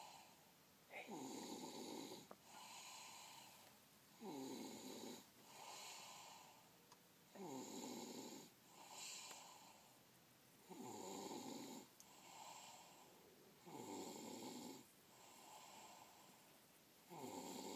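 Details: Snoring: steady, regular snoring on each breath, about 19 a minute, with a rough fluttering rattle; quiet room.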